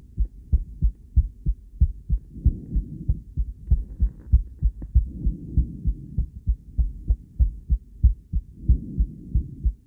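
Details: Regular low thumping at about 95 beats a minute with whooshing flow between beats from a woman's heart, recorded by cardiac ultrasound Doppler with a different transducer and combined with ECG; Doppler heartbeat sounds.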